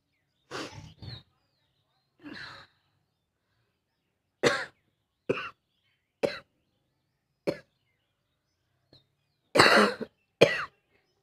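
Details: Adult with a cold doing a coughing challenge on a rooftop, saying the cough is real and the throat burns: about ten short, harsh coughs in irregular bursts with pauses, some paired, leaving them short of breath.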